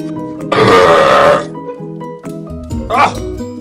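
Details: One long, loud, forced burp with music behind it, then a shorter burp, in a burping loudness contest; deliberate belching.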